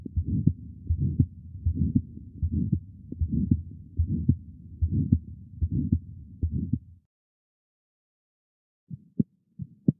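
Low rumbling heart sounds around 78 beats a minute with a continuous murmur between beats, after Fontan repair with VSD.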